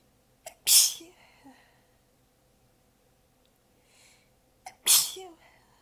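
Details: Two forceful sneezes about four seconds apart, each preceded by a quick breath catch, partly held back by an exhausted person with sore abs during a long repeated sneezing fit; sneezing fit.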